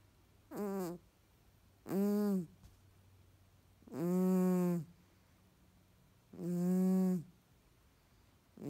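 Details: Sleeping nasally Tonkinese cat: loud, buzzing snores, four in about eight seconds, each a rattling vibration in quiet; snoring.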